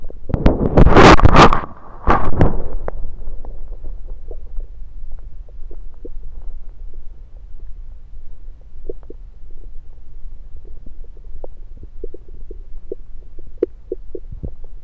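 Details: Stethoscope placed at different spots around the belly: loud rubbing and handling noise at first, then faint scattered gurgles and clicks over a low hum; ordinary bowel sounds.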